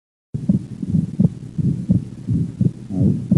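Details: Fixed split second heart sound with a soft atrial septal defect (ASD) murmur, regular heartbeat about 85 per minute.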